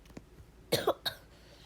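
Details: Two short, sharp coughs from a child who says he is a little sick with sniffles, while playing a video game in a quiet room.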